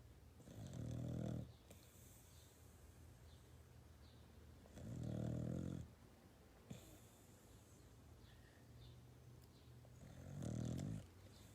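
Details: Puppy napping in someone's arms, snoring: three low, rumbling snores about five seconds apart, roughly 12 breaths a minute, quiet breathing between.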